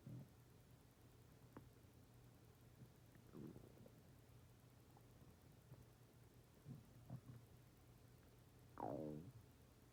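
Scattered gurgles and a drawn-out low growl against a quiet background; ordinary stomach growling from gas and fluid moving through the gut.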